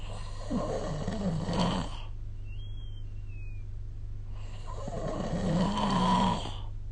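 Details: Sleep snoring recorded with the SnoreLab snoring-recording app.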